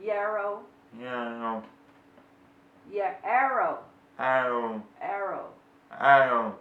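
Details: Man born deaf, age 30, with one cochlear implant, practicing words with a middle /r/ sound ('arrow'); deaf speech.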